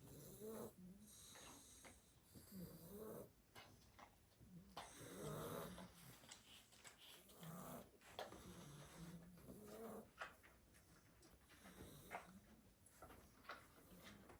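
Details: Sleeping 7-week-old blue Staffordshire bull terrier puppies after two hours of play: repeated low rattling snores with each breath, several puppies overlapping.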